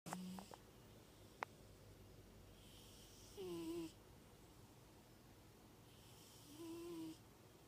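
Slow, regular breathing with a short whistling, snoring tone on each breath, about 18 a minute; a sleeping pet snoring.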